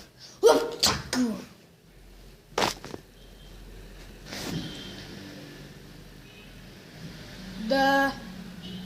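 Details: Comedic skit acting out types of sneezes: several short explosive bursts, each a sharp release of air, with a brief voiced sound near the end; likely performed sneezing.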